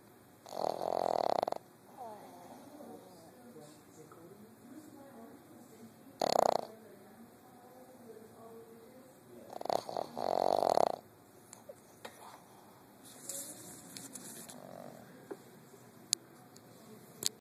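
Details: Light snoring with irregular snorting breath noises, about four loud ones in seventeen seconds and quieter breathing between, in a little one with respiratory issues.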